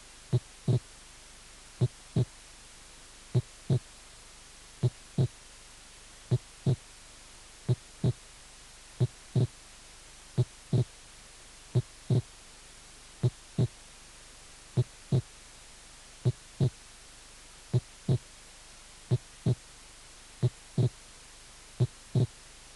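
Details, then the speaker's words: Normal heart sounds: loud first and second sounds with physiological splitting of the second heart sound into two close clicks; slow, regular rhythm. "el primer ruido fuerte segundo ruido fuerte y desdoblamiento fisiológico del segundo ruido"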